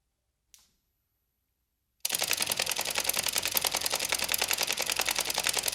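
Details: Rapid, gritty clicking and scraping of teeth grinding: bruxism.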